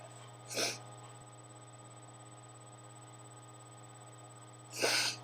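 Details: A person with allergies, eyes burning and itchy and feeling unable to breathe, sneezes repeatedly: two forceful, explosive sneezes about four seconds apart over quiet room hum; sneezing.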